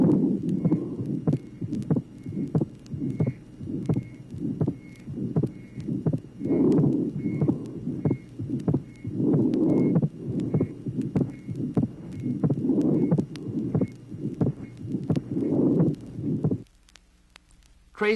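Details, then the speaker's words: Atrial septal defect, from a 1967 vinyl teaching record: regular heartbeat near 95 a minute with a pulmonary mid-systolic ejection murmur and fixed wide splitting of the second sound. "tracing number 15 inter atrial septal defect pulmonary ejection mid systolic murmur fixed wide splitting of the second sound the combination of these two abnormalities is characteristic of inter atrial septal defect"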